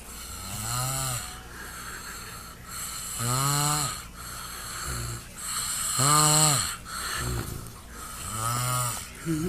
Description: My son snoring rumbling wAlls